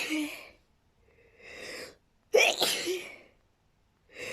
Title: sneezing fit with nose blowing!